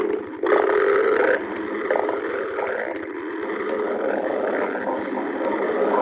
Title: stomach growling 7